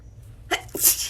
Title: Snapchat sneezes💦